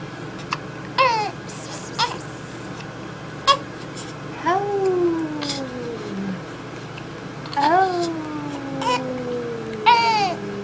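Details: A 6-week-old baby boy with hiccups gives short, whiny cries and fussing sounds in a quiet room, with brief sharp hiccup-like catches between them.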